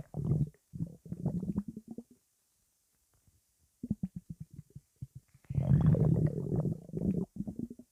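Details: Vigorous stomach rumbling (borborygmi): loud bursts of low gurgling and rumbling with rapid bubbly clicks, separated by a short quiet gap.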